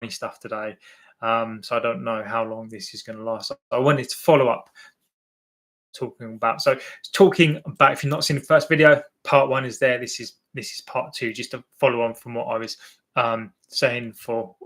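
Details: Adult male with an accepted stammer, less fluent when nervous or before an audience; word and phrase repetitions heard; real stuttering (stammering).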